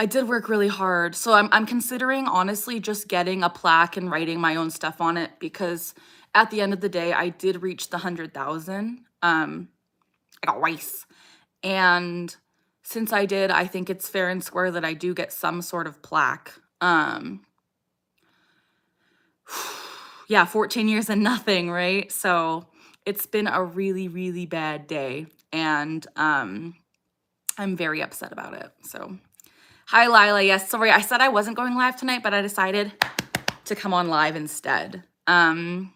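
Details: Adult woman with Tourette syndrome whose vocal tic phrase "I got rice" interrupts her speech during a livestream; vocal tic.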